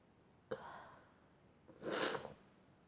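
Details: Sneeze fit: a quick catch of breath, then a loud explosive sneeze through the nose and mouth, a single sneeze amid repeated "achoo"s; sneezing.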